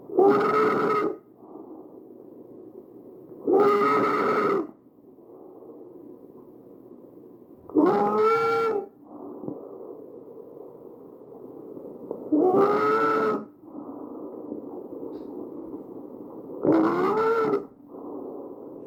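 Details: Tracheal stridor recorded from a real patient: harsh, loud, musical breathing sounds from a narrowed central airway.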